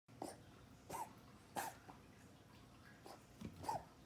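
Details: Dog coughing: faint, short, breathy bursts about every half second to second, some with a brief honking catch, over low room noise.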